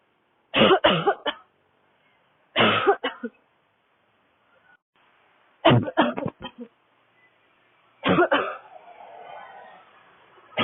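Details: Woman with a dry, barking cough, coughing fit while walking outdoors on a city street in cold air, throat tight: four bouts of two to four harsh, dry coughs with quiet gaps between them.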